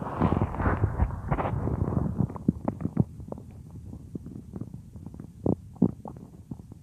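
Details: Real recording of a woman's own stomach, which she says sometimes gets loud, made for a roleplay: irregular low gurgles and rumbles, loud at first then fading; ordinary stomach growling (borborygmi).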